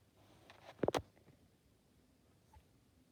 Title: Cat sneezing